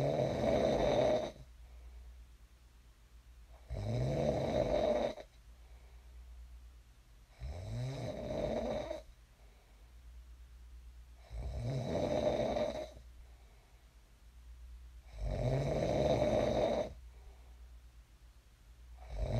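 Loud rattling snores on each breath in, about 16 a minute, with quiet exhales between; ordinary snoring.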